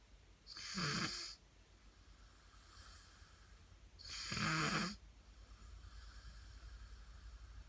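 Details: Snoring in a 15-year-old boy (5 ft 10 in, 156 lb): two loud, rough, hissing snores on the in-breath about three and a half seconds apart, with quieter out-breaths between.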